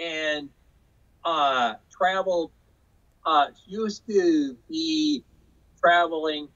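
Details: Aphasia in an adult man after a 2005 stroke caused by hereditary hemorrhagic telangiectasia (HHT); he says he had or still has aphasia and was told he would never talk again.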